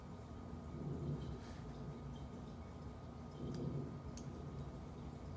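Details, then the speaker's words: Teaching recording heard through a stethoscope: soft, even breaths with normal air movement in and out of the lungs, no wheezes, crackles or other adventitious sounds; normal breath sounds. "i don't know if anybody has normal breath sounds right now but it should be just normal air movement in and out of the lungs you shouldn't hear any adventitious sounds"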